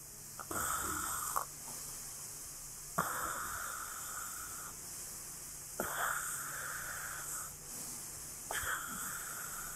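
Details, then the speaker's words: Person demonstrating CPAP for snoring and sleep apnea, wearing a nasal mask with mouth closed, compressor pushing low-pressure air through the hose: steady airy hiss with breath surges about 22/min; CPAP airflow through nasal mask. "자 이렇게 하고 또 차고 자 합니다 이제 그 공기가 들어 오기 시작하죠"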